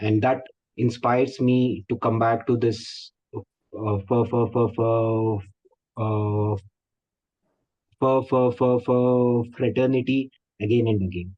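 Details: Adult male Zoom workshop participant, a stammering association member for 12 years, who refers to people who stammer as "us", suggesting he stammers himself; stuttering (stammering).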